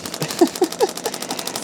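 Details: Radial shockwave therapy device firing a rapid, steady train of sharp mechanical pops, about ten a second, on the lateral lower leg of a chiropractor being treated after running more.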